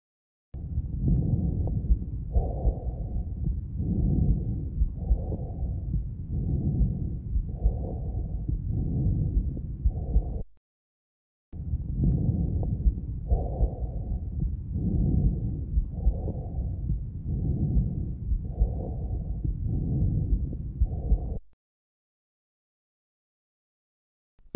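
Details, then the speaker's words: Normal tracheobronchial breath sound: loud, high-pitched blowing breath sounds heard in both breathing phases over the projection zones of the large airways. "c'est un bruit soufflant de haute tonalité il est entendu dans les zones de projection des grosses voies aériennes écoutez encore le bruit traqué au bronchique"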